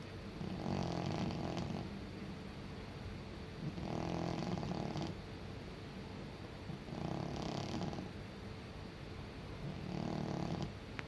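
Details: A senior male cat sleeping: soft, fluttering snores on each breath, about four in 11 seconds, over a steady background hiss; harmless snoring.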